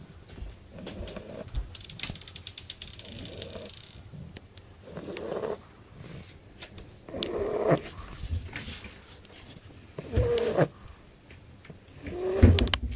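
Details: Bulldog snoring during sleep: low, rattling snores recurring irregularly, roughly 27 a minute, with room noise between them.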